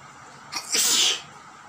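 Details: One sneeze during a sneezing and nose-blowing challenge: a brief indrawn breath followed by a loud, hissing burst.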